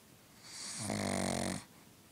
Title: Sleeping, Snoring, Pug